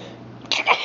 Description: I kept sneezing and sneezing. This is a normal day in my life!!